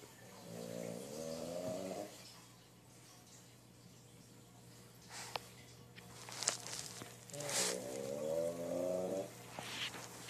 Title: Snoring English Bulldog